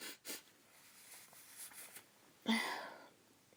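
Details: Woman sneezing uncovered after trying to hold it back: soft breathy catches build up, then one sharp, explosive sneeze fades in a quiet room.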